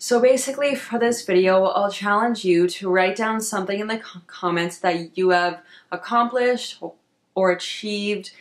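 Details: Adult woman who stutters, with associated social anxiety; finding: stuttering.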